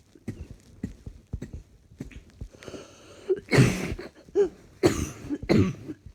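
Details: Cough while trying to work, feeling rather hot: soft throat sounds build into about three harsh, forceful coughs with a raspy edge, separated by short breaths.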